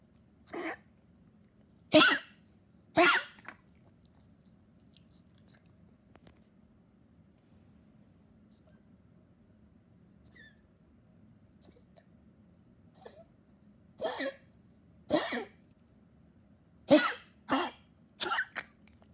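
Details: Persistent cough in a weakening dog coughing non-stop: repeated short, harsh coughs in two clusters separated by a quiet pause.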